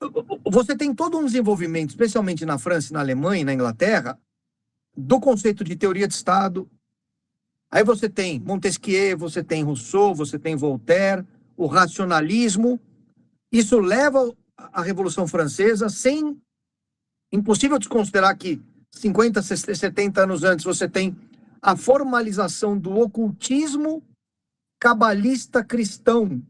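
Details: Adult man speaking Portuguese; ordinary speech.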